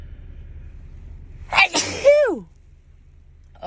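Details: A single forceful sneeze from a woman, a sharp burst trailing into a falling voiced cry in a quiet space; one in a run of dust-allergy sneezes with nose tickling.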